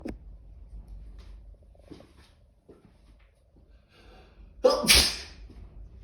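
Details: Sneezing fit in a cat in a quiet room: several soft, short snorts lead up to one loud, sharp sneeze.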